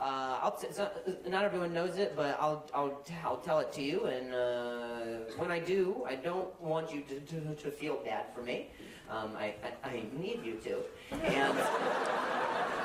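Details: Acquired stuttering in an adult male comedian, onset at age 20 the day after a softball struck his throat, causing a minor vocal contusion and a major concussion he slept on; no stutter since childhood before that.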